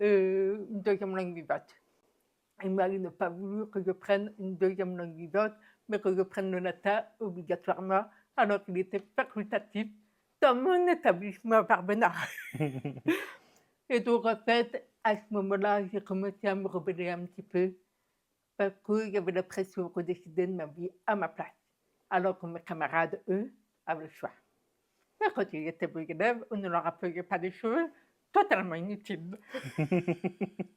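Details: Woman deaf since infancy (diagnosed at 9 months), told she would never speak; never heard her own voice; learned speech through about 20 years of speech therapy; deaf speech.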